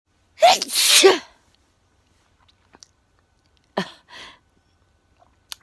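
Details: Sudden loud sneeze with sharp intake and explosive release, then a quieter sniff and faint room sounds.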